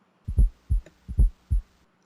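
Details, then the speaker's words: S4 gallop heard over the apex: low heart sounds with a soft extra thump just before S1 each beat, from the left atrium contracting into a non-compliant left ventricle. "hen the left atrium squeezes down to push that last bit of blood into a non-compliant left ventricle so the incoming blood creates very turbulent flow because the ventricle is not going to expand and the turbulent flow of blood creates an audible sound that you can hear over the Apex"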